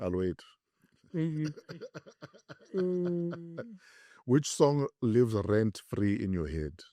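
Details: Adult male speaker(s), conversational; ordinary speech.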